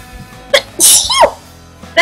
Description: I know highlighting a sneeze is weird, but everybody says I have a cute sneeze, and if anybody asks why, I can now show them this. :P